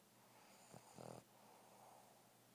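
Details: Sleeping dog snoring loudly: a short, rattling snort-like snore against faint room noise.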